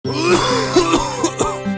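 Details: Several short, sharp acted coughs over steady background music in a cough syrup TV advert; an imitation cough.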